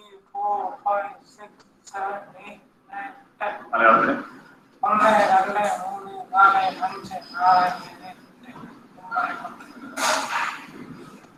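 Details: Paralytic falsetto in a man with vocal cord paralysis after cardiac surgery, a self-developed compensation for very breathy voice; it disappeared after thyroplasty.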